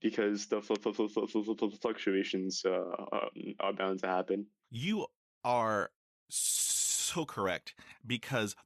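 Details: Male high school senior who has stuttered severely since age 10, in speech therapy for six years, speaking about oral presentations; stuttering.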